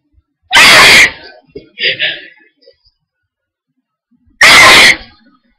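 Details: Repeated loud hay fever sneezing, with attacks on sunny days: two loud, explosive sneezes separated by brief breathy sounds.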